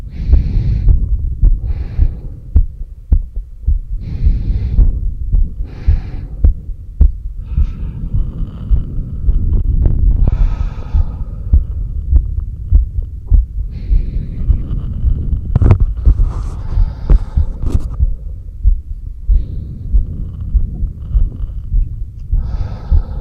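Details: Normal heart sounds recorded by stethoscope at the apex during exhaled and inhaled breath-holds: low thumping heartbeat about 100 per minute with rumbling handling noise.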